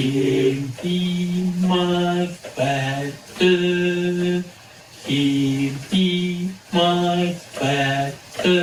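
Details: Patient with Broca's aphasia in a melodic intonation therapy example: the therapist hums and taps to the melody of a phrase, helping the patient say it a little more easily. Broca's aphasia during melodic intonation therapy.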